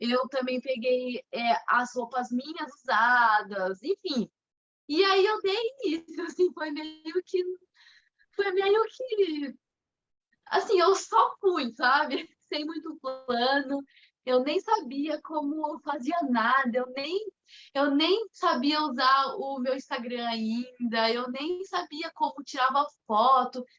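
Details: Adult woman, Portuguese speaker, with mild stuttering beginning around age two and a half to three; stuttering.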